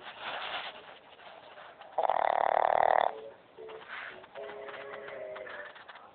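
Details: Elderly gray-wrinkled pug snoring, recorded extremely close up: loud buzzing, rattling snore followed by softer whistling, honking breaths; ordinary snoring.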